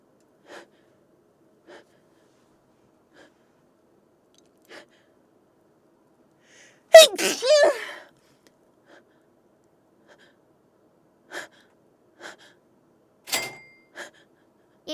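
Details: One loud, forceful adult sneeze with a voiced burst, then a shorter sharp sound, amid faint taps, during a livestream.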